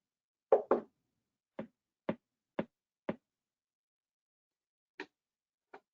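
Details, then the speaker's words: Four sharp evenly spaced clicks about half a second apart, then single clicks: nerve stimulator shocks, a train of four, during a repetitive nerve stimulation technique demonstration on a Cadwell Sierra Summit EMG machine. "okay so we're gonna give four shocks here and they look good"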